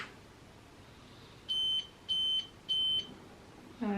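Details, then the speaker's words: A child's feeding pump alarm after her feed ended, before the pump was put away: three short, high-pitched electronic beeps over quiet room noise. "excuse the beeping that is um Avery's feeding pump shouting at me because I haven't put the feet away yet"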